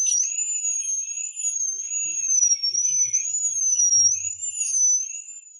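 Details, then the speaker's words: High-speed dental drill used without anesthetic to remove decay from a shallow cavity between the two front teeth: a steady, very high-pitched whine that wavers slightly in pitch. "Without further ado, I didn't even get the anesthetic. Directly on the drill bit Remove the auxiliary characters first."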